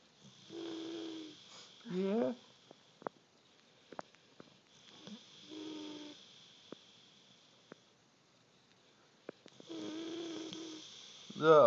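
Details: Soft, whistly nasal snores and snuffles between breaths in a quiet room, with a few faint clicks; light sleep snoring.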